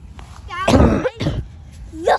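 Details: Coughing from a person who says they were sick, recorded during a game of chasing a puppy; a cough.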